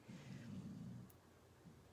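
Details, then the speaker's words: Loud snoring by a female sleeper nearby, heard during a live-streamed talk; snoring. "Did you hear that snore? That's funny. She's snoring so loud."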